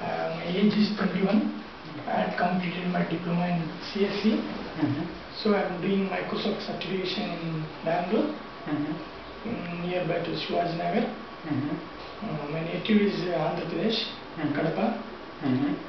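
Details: Puberphonia in a 21-year-old man before treatment: high-pitched voice unchanged since puberty, with soft voice and voice breaks.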